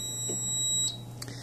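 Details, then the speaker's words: Allied Healthcare AHP300 transport ventilator switched on; sharp, high electronic tone for under a second, then cuts off, as it runs its self-check: ventilator power-on self-check beep. "first thing you'll notice it'll go through a self-check and then it'll start ventilating in whatever settings the ventilator was turned off in when it was shipped from the factory"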